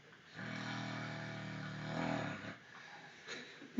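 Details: One long, deep, buzzing snore of about two seconds, then quieter breathing, from a man sleeping at 3:30 a.m., humidifier running nearby: loud snoring.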